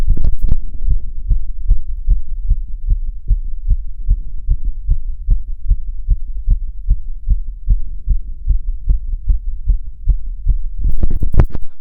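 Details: Self-auscultation with a stethoscope, standing (orthostatic) and sitting: fast heart rate (tachycardia) with otherwise nothing abnormal heard.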